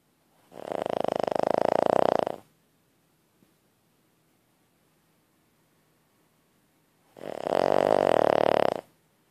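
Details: Two long, loud buzzing snores about six seconds apart with silence between, from a sleeping pet; snoring.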